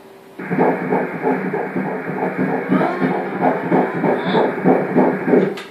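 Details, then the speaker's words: Fetal heartbeat on Doppler, about 197 beats a minute, said to be okay; rapid whooshing pulses with scratchy movement noise as the baby moves and kicks. "You rock. Yun yung heartbeat niya?"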